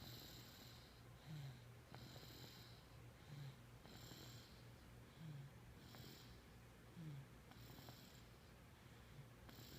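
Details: Light snoring: soft low snorting breaths about every one and a half seconds over steady background hiss.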